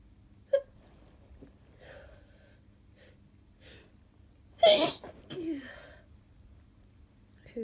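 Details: An adult with a cold and congestion and a sore throat, sneezing just after waking: quiet catching breaths, then one strong sneeze with a stifled follow-up in a quiet room.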